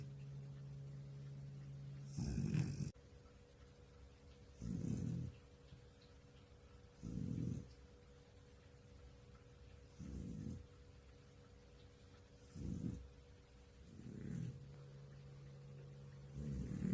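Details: Old cat in deep sleep snoring: soft, regular snores with each breath, about 24 a minute; harmless sleep snoring.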